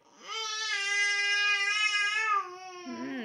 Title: baby crying